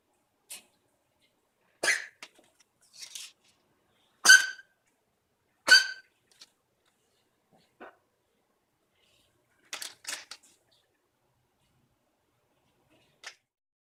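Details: Dog (Lemy) coughing in the morning with several short, harsh coughing bursts and quiet pauses between, in a small indoor room; owner hopes it is nothing bad.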